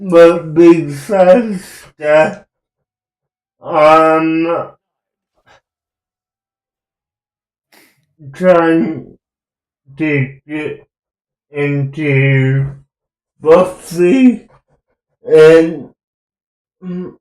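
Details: Slow, halting speech in a speaker who self-reports cerebral palsy; whether their speech is affected by it is not stated.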